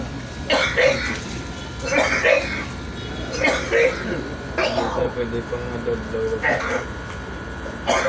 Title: sound hard cough